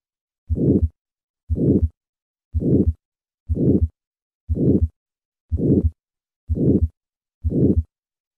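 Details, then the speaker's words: Significant aortic stenosis, played after aortic sclerosis for contrast: a regular rhythm at 60 beats a minute with a harsh, rough murmur filling each beat. "listen once again to a patient with aortic sclerosis and compare that to a patient with aortic stenosis first aortic sclerosis and now significant aortic stenosis"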